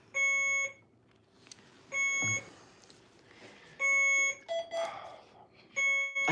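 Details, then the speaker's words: Hospitalized man with acute pancreatitis after pancreatic stent removal, stage 4 cancer: IV infusion pump alarm running IV fluid and antibiotic, repeated electronic beeping bursts about every two seconds with faint room noise. "What's beeping? Is that I'm dying. Is that your antibiotics or that means the nurse is going to be coming?"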